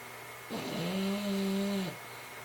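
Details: Sleeping dog, a single drawn-out snore with a steady humming tone; snoring.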